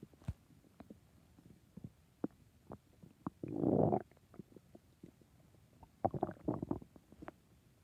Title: My tummy growling loudly #hunger #stomach #growling #hungry